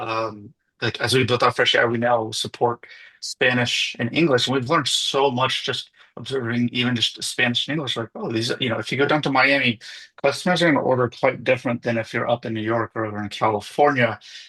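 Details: Adult male speaker; typical speech.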